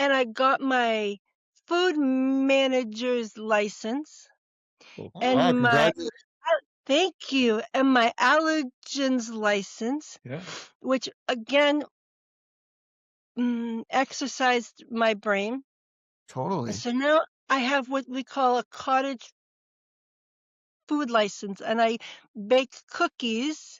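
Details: Woman, former educator of 30 years, with TIAs following atrial fibrillation and cardioversion, real speech: expressive (Broca's) aphasia.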